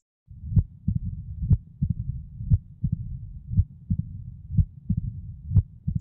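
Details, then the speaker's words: Woman who grew up in Mexico and presented with a TIA: heart sounds near 60 a minute, loud S1, quiet systole, S2 then an extra early diastolic sound and rumbling diastolic murmur louder just before S1: mitral stenosis. "there is uh S1 is the loudest sound you hear systole is relatively quiet then there's S2 an extra sound and then a rumbling diastolic murmur that gets louder right before S1"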